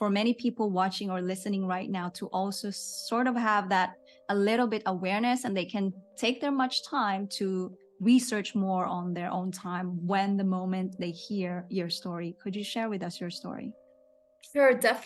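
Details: Adult woman speaking; typical speech.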